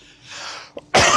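Quiet room noise and a faint vocal sound, then one loud, abrupt cough burst near the end; a single adult cough.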